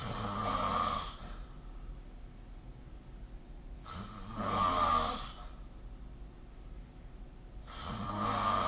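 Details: Human sleep snoring recorded with the SnoreLab smartphone app: rhythmic low rattling snores on each breath in, about 15 a minute, with quiet pauses between.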